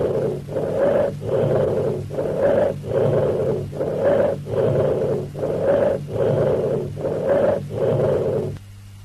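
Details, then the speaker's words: Loud, high-pitched, harsh blowing breath sounds with a pause between inspiration and expiration, stethoscope diaphragm, as heard over trachea or consolidated lung; bronchial (tracheal) breath sounds. "Listen to this loud, high-pitched and blowing sound termed as the bronchial breath sound or the tracheal breath sound."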